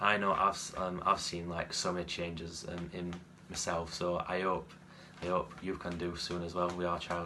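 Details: 17-year-old male who has stammered since a young age and still stutters frequently; stammering (stuttering).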